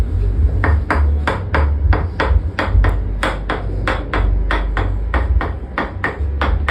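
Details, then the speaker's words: Chiropractic percussive tapping treatment for back pain, applied to the back muscles rather than bones to relieve soft-tissue pressure: rapid, regular sharp taps, roughly three per second. "So this is actually எட்ஷனல் treatment called toxin treatment this vibration and sound removes the pressure in your soft disuse which is very very hard"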